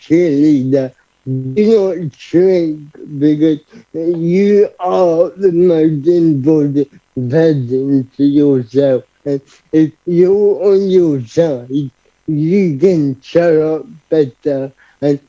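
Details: Adult man, about 30, with cerebral palsy who describes his own speech impediment, unclear on the phone, as part of his condition; dysarthria (cerebral palsy).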